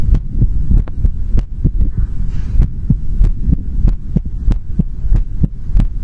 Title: ASMR Heartbeat Sound | Heartbeat Sound ASMR | 2022-02-16